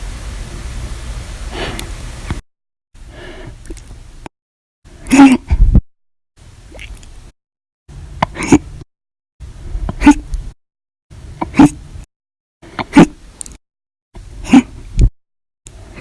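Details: Compilation of hiccups recorded 8/1/19 to 8/31/19, described as violent, loud or silent, audio only: repeated abrupt, sharp gulping sounds about every second, separated by cuts; hiccups.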